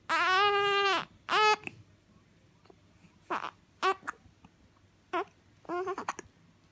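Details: A baby waking up and crying, with hiccups also mentioned: a long tonal wail, then shorter cry bursts and small fussy sounds in a quiet room.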